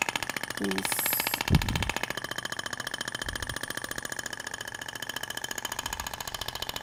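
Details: Rapid clicking pulses about fifteen a second with a faint tone and brief talk: the IBRAMED Thork shockwave device firing in zigzag passes over the abdomen, avoiding the ribs, during a practical training demonstration.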